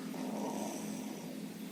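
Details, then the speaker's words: Young rooster with snoring respiration and nasal discharge (ngorok, ingusan), not pale or lethargic: rough, rattling snore-like breathing typical of upper airway infection such as infectious coryza. "Ini ayam yang sudah mungkin udah jago tanggung, tapi ini kondisi ayam dalam keadaan ngorok dan juga ingusan. Ingusan dan juga dalam keadaan ngorok, ya."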